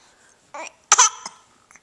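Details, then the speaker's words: Baby girl learning to talk, with hiccups: short sudden voiced catches in the throat, with brief sounds in between. "ah have you got the hiccups you do I'm sorry"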